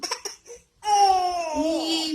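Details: Infant with an ongoing cough and cold, fussy and sleepy: a few brief whimpers, then a sustained fussy cry with a clear voice and no cough heard.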